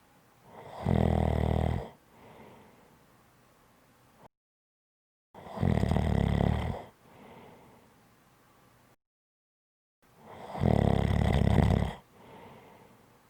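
Loud, rough, low snores on each in-breath, about every four to five seconds, with quieter out-breaths between; snoring.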